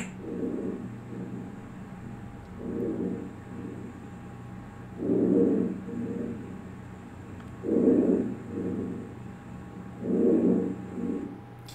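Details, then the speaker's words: Normal vesicular breath sounds heard over most of the chest on lung auscultation: soft, low-pitched rustling in a steady cycle, about 24 breaths a minute. "Primeiro vai ser o murmuro vesicular vai ser um som mais suave mais e grave também pode ser grave vai escutar na maior parte aqui do nosso tórax do paciente"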